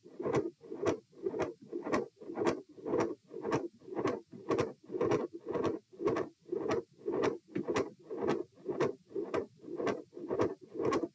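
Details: Repeat auscultation stress test at position E, with lying, sitting and standing phases: fast, regular heart sounds at about 114 bpm, with a midsystolic click and murmur and a fixed split S2.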